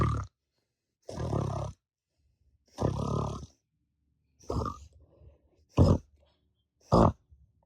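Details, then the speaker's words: Loud snoring, played as an example of what someone might notice and write down for a sleep doctor visit. "Write down if anyone has noticed snoring or breathing pro pauses or snoring or loud snoring that sounds like this."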